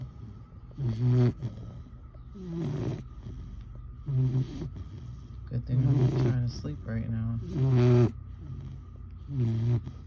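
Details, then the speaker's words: Four-month-old female boxer/bully puppy asleep after a full day with a long walk and some ice cream: loud, low, rattling snores with each breath, about 35 a minute. "And now she's all pumped with it. Imagine sleeping with this every night."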